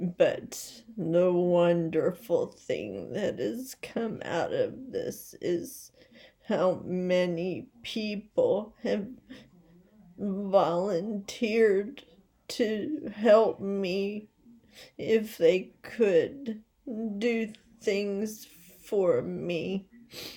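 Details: Adult woman with essential tremor, badly out of control and rapidly progressive, affecting mainly her head and voice, with word-finding difficulty and leg and hand weakness; awaiting movement disorder specialist visits; voice tremor (essential tremor).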